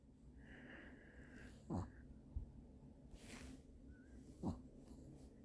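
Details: Sleeping dog with encephalitis since birth snoring: low, irregular snorting breaths about 22 a minute.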